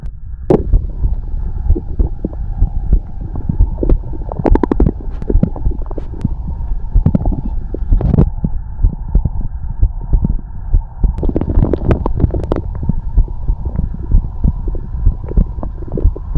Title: the sound of a heartbeat and stomach growling